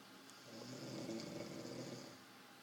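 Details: Sound presented as an auscultation quiz whether cardiac, pulmonary or abdominal, and revealed as snoring from someone asleep in bed.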